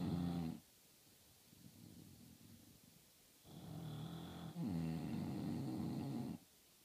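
Loud, rattling low snores, two long breaths in this stretch with a quiet pause between them, typical of a flat-faced dog's snoring.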